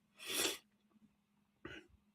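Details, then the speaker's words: Adult who is under the weather and calls his own cough fake; throat clearing, then a cough; cough. "That sounded that that cough sounded so fake. Like [laughter] I got I [clears throat] gotta go. [cough]"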